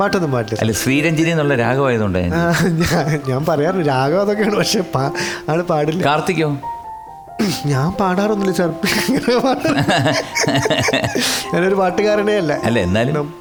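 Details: Adult male Malayalam actor with a stutter (vikku), speaking as a guest on a TV talk show; stuttering.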